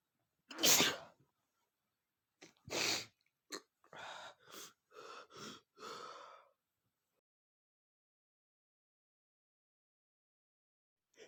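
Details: Male with a hay allergy in a sneezing fit: one loud sneeze, then another, then a run of quick short sneezes, about seven in all.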